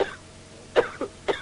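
A few short, dry cough bursts, the first louder, in a quiet room: an ordinary cough clearing the airway.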